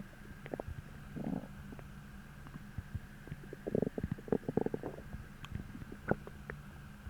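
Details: Low gurgling and rumbling bursts with squeaky bubbling over a faint hum, the morning after a heavy, bloating dinner, with a hollow empty feeling in the gut; borborygmi (stomach growling).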